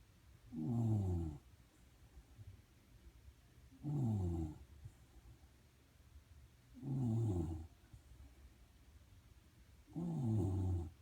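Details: Shiba Inu sleeping under a desk: four regular low rattling snores about every three seconds, near 19 a minute, with quiet gaps; ordinary snoring.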